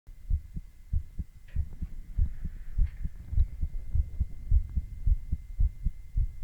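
Regular low heartbeat thumps, about 105 a minute, with a steady faint hum behind them; a quick heartbeat.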